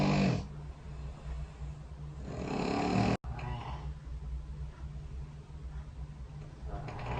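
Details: Low, rough snoring breaths with a brief dropout midway, recorded overnight by a snore-tracking phone app (SnoreLab) beside the bed, over a steady background hum.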